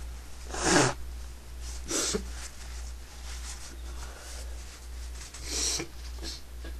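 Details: Several short, muffled, partly stifled sneezes over a steady low hum, the person trying unsuccessfully to stay quiet; a series of ordinary sneezes, followed by an exhaled "whew."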